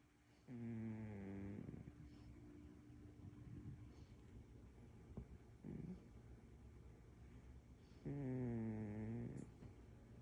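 A cat's two low, buzzing snores about seven seconds apart over quiet room noise: snoring.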